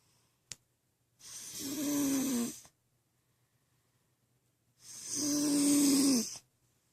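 Two long, rasping, fluttering breaths with a slight tonal edge, about three and a half seconds apart, separated by silence: snoring.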